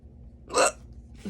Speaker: or not good powerful hiccup there